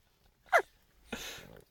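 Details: A 4-to-4.5-month-old baby makes a single short, sharp fake sneeze followed by a breathy laugh; a playful, simulated sneeze.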